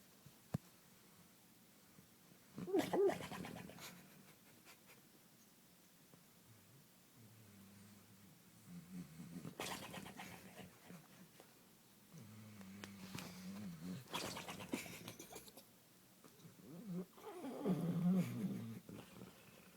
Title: American bulldog snoring!